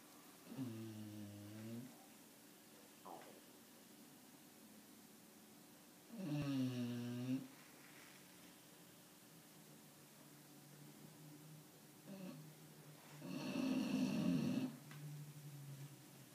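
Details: Sleeping bulldog snoring with loud, droning snores every few seconds and quieter breaths between; snoring.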